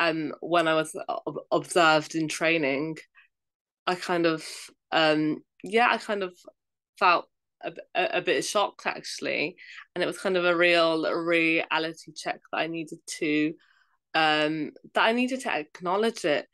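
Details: Adult female primary school teacher who stammers, speaking in an interview; stammering.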